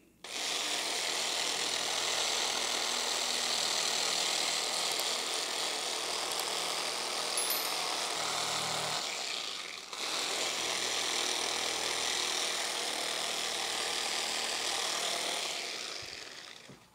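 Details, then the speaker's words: Strong clinical percussive massage device, much stronger than a Theragun, used on tight soft tissue of an adult woman with a hiatal hernia, worse on the left: loud rapid buzzing pulses, about four per second, with a brief pause. "So this machine is loud. Loud machine, but effective. What this does is it just loosens up all the soft tissue in here, which is very tight, as you can feel there."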